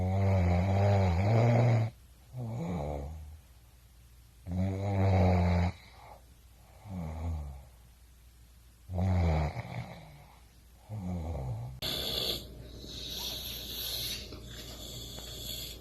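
Deep, rumbling snores on each breath in, with quieter breaths out, about 15 breaths a minute; ordinary snoring.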